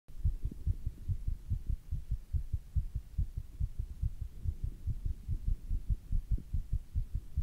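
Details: Fast male heartbeat after doing squats: fast, steady heartbeat with strong low thumps, a normal exercise-induced rise in heart rate.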